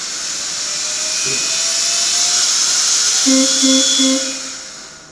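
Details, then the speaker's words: Bellavista 1000 ICU and transport ventilator running its circuit test, which takes about three minutes and checks for leaks and processor function: a steady airflow hiss with a rising tone, then a short run of repeated beeps. "so it can do circuit test which means any leak is there or not and processor is working or not"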